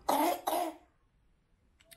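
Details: Adult woman starting to fall ill with burning sore throat, pain on swallowing, slightly blocked nose, feeling hot but no fever: two short, dry cough bursts in a quiet room, then silence; cough.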